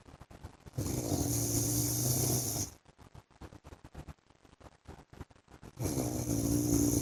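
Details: Snoring from an adult man (husband) during sleep: two long, loud rattling snores on breathing in, with a quieter gap of breathing and soft clicks between them.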